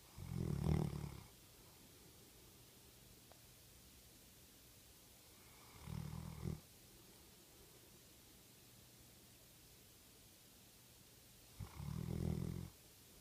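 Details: Three low, rumbling snores about six seconds apart, roughly ten breaths a minute, from a sleeping chocolate Labrador dog in a quiet room; snoring.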